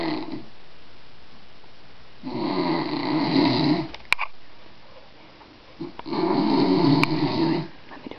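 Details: Man secretly filmed while asleep at a cottage makes two loud, rough inhaled snores separated by a quiet exhale in a small room; snoring.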